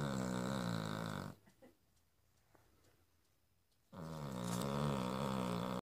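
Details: Small Cavalier King Charles spaniel dog snoring loudly: loud, rumbling snores with a quiet pause between breaths.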